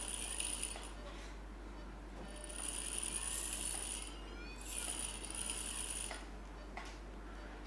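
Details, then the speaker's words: Phacoemulsification machine during routine cataract surgery under peribulbar block: steady hiss with intermittent high whines as chopped nucleus fragments are emulsified with ultrasound energy. "Now each fragment is emulsified using the ultrasound energy."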